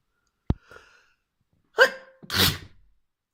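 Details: Trans woman sneezing, induced by tickling with a fluffy white feather: a sharp click, a quick breath in, then one forceful sneeze with a gasping build-up.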